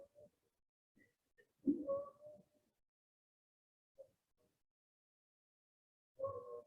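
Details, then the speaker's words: Child with asthma: musical, whistling expiratory wheeze with prolonged expiration. "can hear that prolonged expiration you could hear all that um extra noise with explanation"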